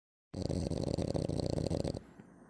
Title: Only my dog snores like that. #dog #doglady #frenchbulldog #dogsnoring #dogsnores #dogsleeping